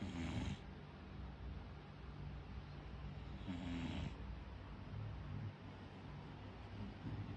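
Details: A sleeping dog's very unusual snore: low rumbling with two louder, raspy snorting breaths about three and a half seconds apart.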